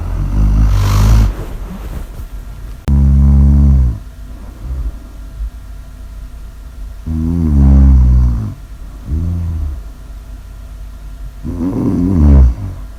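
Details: Loud, deep, buzzing snores with rising and falling pitch, several seconds apart, with softer snorts between; heavy snoring.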